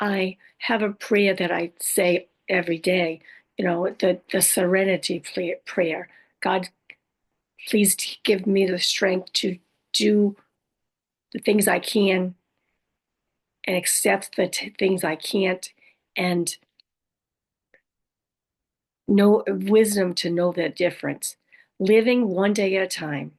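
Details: Adult woman living with aphasia, apraxia of speech and dysarthria after a stroke: aphasia with apraxia of speech and dysarthria.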